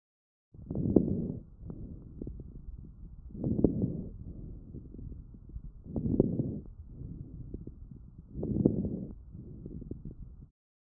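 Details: Fine crackles recorded with StethoMe electronic stethoscope, AI-classified: breaths about 24 a minute with brief, repeated crackling pops in groups through the breathing cycle; non-continuous transient sounds, characteristic of bronchitis and pneumonia.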